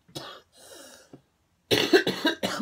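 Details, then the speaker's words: Short throat-clearing sound, then three harsh coughs in quick succession in a quiet room, from an adult speaking during a morning vlog. "but today I'm not going to edit the coughing out I figure I could could see if maybe my editing program if my editing program is what is causing the double audio"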